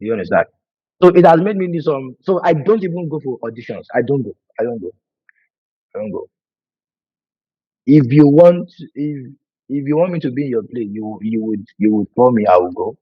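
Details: Adult man who has stammered for over 20 years; he calls it hereditary (brother and sister also stammer) and says it began in childhood when he imitated his brother's stutter; words break when he speaks; stuttering.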